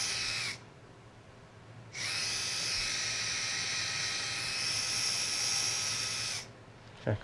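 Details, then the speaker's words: Sustained high-pitched whirring of a high-speed surgical burr, with a brief pause, creating a starting point for the drill guide during posterior cervical spine screw instrumentation with navigation. "I'll typically take the high-speed burr at my starting point to create a favorable resting place for the drill guide, which we have set to 24 for a 35 24 mm screw."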